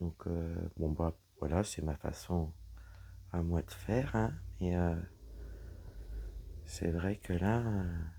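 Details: Woman whose vocal cords were damaged by a serious health problem; she reports her voice is now deeper than before, at times she has little voice, and she cannot speak loudly. Dysphonia.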